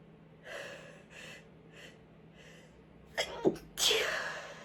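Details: Calm sneezing from chhinkni. Several soft, muffled stifled sneezes, then a sharp intake of breath and a fuller sneeze.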